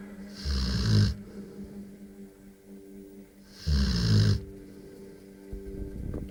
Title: Spike, the rottweiler dog snore like a pig